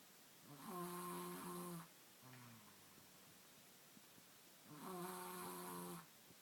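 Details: Snoring heard on waking in the night as an unfamiliar sound: two loud, buzzing, tonal snores on inhalation, with a softer sound on the breath out between them.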